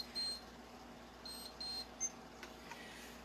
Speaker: i have a continuous glucose monitoring now until it beeps when it wants me to check